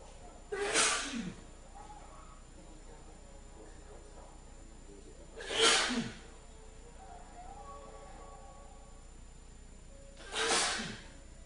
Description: Sneezy Male sneezer with a sneezing fetish deliberately sneezes uncontrollably on camera.